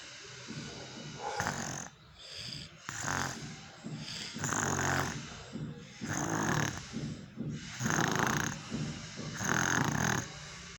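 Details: Child snoring: quick, rasping snores about every one and a half seconds, roughly 35 a minute, with soft snorting; snoring.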